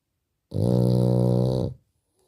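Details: Sleeping French bulldog snoring: one loud, steady, strongly tonal buzzing snore lasting over a second, then silence.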